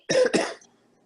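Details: Cough of an adult with a cold: two quick, harsh cough bursts in close succession, fading into quiet.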